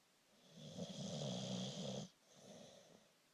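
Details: A long, rough, rattling snore on a breath in, then a softer, shorter one; snoring.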